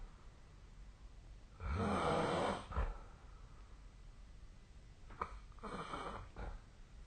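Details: Snoring during sleep: two soft, rough breathing noises in a quiet room.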